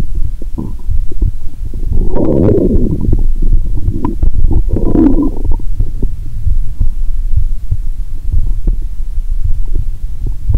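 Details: Stethoscope on the upper abdomen after drinking cola with Mentos, belly painful: gurgling and bubbling rumbles over steady low background noise with two louder bursts, bowel sounds (borborygmi).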